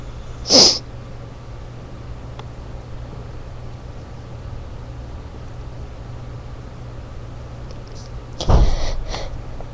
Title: Stifled sneezes